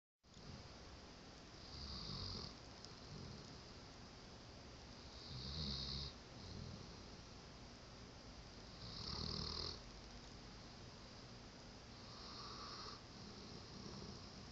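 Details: Animal sleeping on the owner and snoring: soft snores roughly every three to four seconds, each a brief rattling breath with a faint whistle, in a quiet room.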